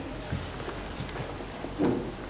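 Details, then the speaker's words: During an abdominal examination, soft finger percussion of the abdomen gives a hollow, drum-like tympanic note, a normal finding over gas-filled bowel. "Ini adalah suara timpani."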